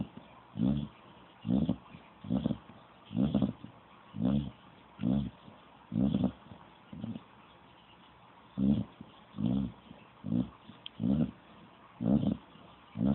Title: Snoring dog